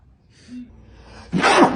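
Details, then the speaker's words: A man sneezes on a woman beside him: a short breathy intake with a faint voiced catch, then one sudden explosive sneeze, followed by her reaction, "Oh my gosh, are you sneezing on me?" "Oh my gosh. Are you sneezing on me? I don't think so."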